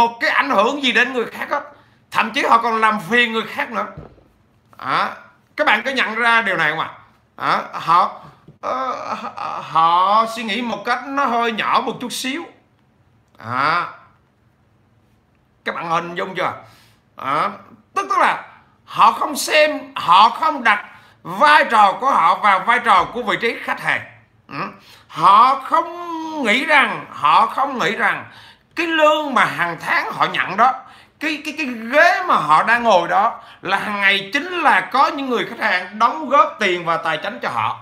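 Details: 43-year-old man who has stuttered since childhood; he says it has eased with frequent speaking but persists; stuttering.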